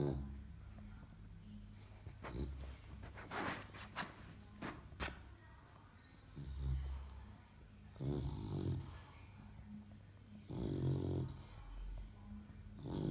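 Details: Young English Bulldog puppy snoring while asleep: loud, rough, somewhat irregular snorting snores with rattling breath noise in a small room.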